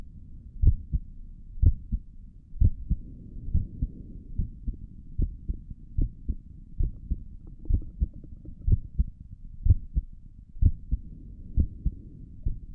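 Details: Heartbeat heard through a stethoscope on the chest for an ASMR recording: soft, regular paired thumps over a low hum at about 60 beats a minute; stomach gurgles occur during the recording; normal heart sounds.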